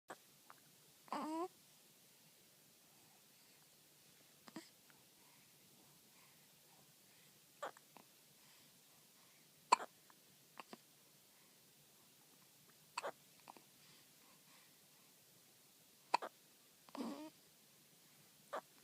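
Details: 1-week-old infant with soft, abrupt, irregularly spaced catches at about 9 a minute in a quiet room, with brief infant sounds; newborn hiccups.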